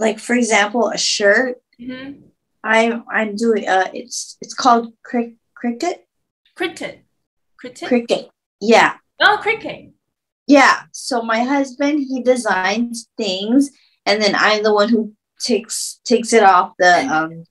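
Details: Aphasia in a woman after a stroke at age 24, about 10 years earlier, with word-finding difficulty.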